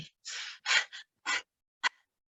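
An adult imitates a few loud, deep, effortful breaths, illustrating an obstructive breathing pattern with increased breathing depth.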